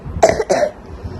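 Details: Two quick, loose coughs with a wet, rattly quality from a child asked to cough hard; doctor notes crepitations and phlegm in the chest: a moist, productive cough.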